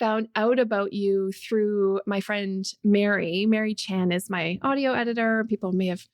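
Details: Adult woman speaking; Normal speech.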